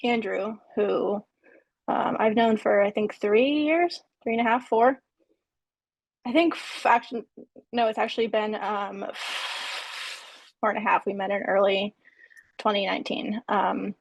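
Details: Person who stutters introducing themselves on a panel of people who stutter; stuttering.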